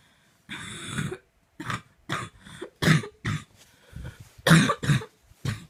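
A run of about eight harsh, irregular coughs in close succession with short gaps, a prolonged coughing fit.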